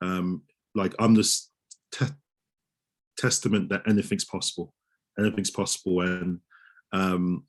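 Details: Adult male osteopath who stammers, speaking in a real interview; stammering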